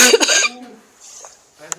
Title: Escena de tos seca